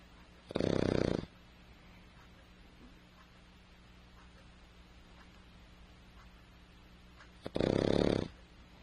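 Two loud, rough, rattling breath sounds about seven seconds apart, a dog's snoring, with quiet between them.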